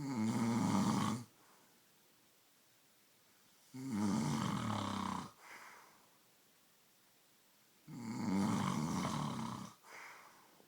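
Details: Loud, rattling snores about every four seconds, roughly 15 a minute, with quiet pauses between, going on for an hour and keeping the listener awake; ordinary snoring.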